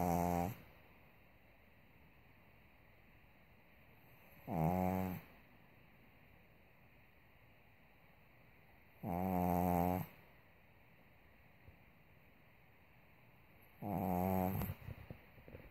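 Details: Pug who already had soft palate and nostril-opening surgery, snoring only at times: loud, rattling snores about 13 a minute with quiet pauses between breaths; brachycephalic airway snoring.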